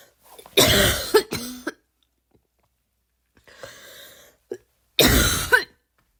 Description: here is some more barking, i know it's not the best, i can never achieve that barks the cool people get, but i tried